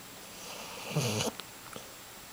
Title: Humphrey The Basset Hound Snoring